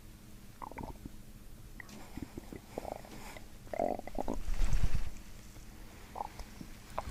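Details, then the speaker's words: Irregular low gurgles and squelching rumbles from the abdomen during a chiropractic gut session; ordinary bowel sounds (borborygmi). "Thank you for watching the video. My stomach says hi."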